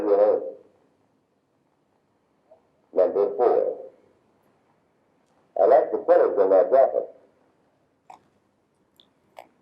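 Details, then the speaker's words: Simulated high-frequency hearing loss: speech sentences with high frequencies filtered out but low frequencies (250, 500, 750 Hz, most of 1000 Hz) kept, sounding muffled and dull with crisp high sounds stripped, words hard to understand. "see the distinction none of the low frequencies were filtered out 250 500 750 hertz most of a thousand all there but none of the highs"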